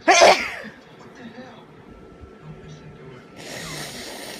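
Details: Person with an ongoing cold, starting to feel a bit better: sneezes.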